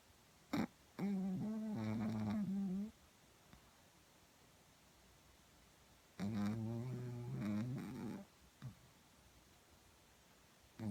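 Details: Sleeping dog snoring, recorded on a phone with background noise: two long, rumbling snores on the in-breath, a few seconds apart; ordinary snoring.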